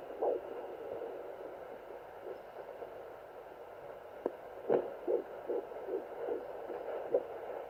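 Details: Fetal heartbeat at 14+4 weeks of pregnancy on a Sonoline home fetal Doppler, used for the first time: hissing static gives way to quick, soft whooshing beats about 150 a minute.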